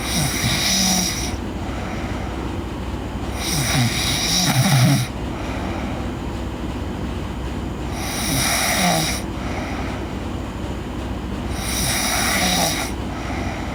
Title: Girl Sleep Snoring